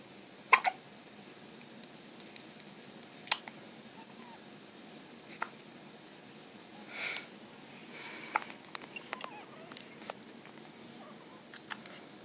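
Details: Newborn, 2 days old in the NICU, with hiccups: soft, brief hiccup clicks at irregular intervals over faint room noise.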